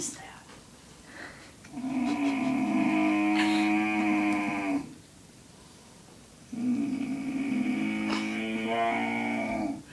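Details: Elderly grandfather snoring while asleep: two long, droning, tonal, hum-like noises about three seconds each, separated by quiet pauses, likened to a car engine; unusual musical-sounding snore.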